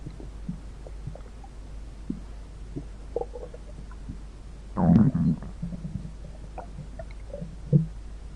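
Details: Stomach growling (borborygmi) in audio altered with a Weatherradio Canada CRS-style effect: low gurgling rumbles, with one longer growl midway, over a steady low hum.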